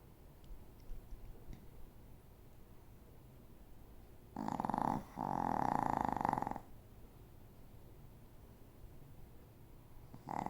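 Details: A single loud fluttering snore with a brief pause mid-breath over quiet room noise; ordinary snoring.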